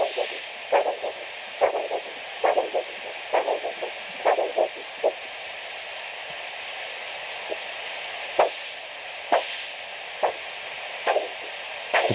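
Pulsing Doppler whooshes, about 65 a minute, fade to silence, then return one by one as the cuff deflates: brachial systolic pressure point.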